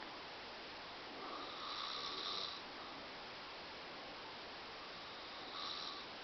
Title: Snoring Mom